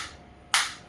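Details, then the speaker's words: Faint hum, then a single sharp snapping pulse fading over a fraction of a second: one discharge of a focused (not radial) shockwave therapy device applied to the hand, intensity 3 of 15, frequency 90; device pulse. "you can I'm feeling that shockwave, and it is 3 in the intensity."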